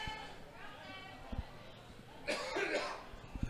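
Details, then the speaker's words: Coughing from a cameraman during a live-commentated rugby league match between South Darwin Rabbitohs and Darwin Dragons. "a cameraman you can hear coughing they're doing a great work doing a great job"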